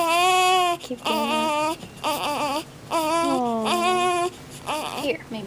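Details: Baby girl held by her father cries in repeated wailing bursts with strong, clear pitch and brief breaths between them, before he soothes her; infant crying.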